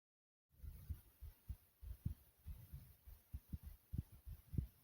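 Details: Low, muffled thumping heartbeat, about 100 beats a minute, in a steady two-part pattern; a pounding heartbeat.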